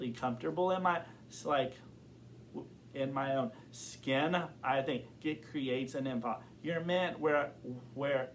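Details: Adult man who has stuttered since kindergarten and reports blocks and severity that varies over time; stuttering.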